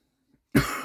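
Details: Adult speaker whose mother had COPD points out own wheeze, has a bit of a cold and a past long-lasting cough (suspected undiagnosed asthma); cough.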